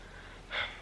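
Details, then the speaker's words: A single brief, hissing nasal snort from a dog, fitting nasal congestion. "got a stuffy nose i'm sure you can hear that"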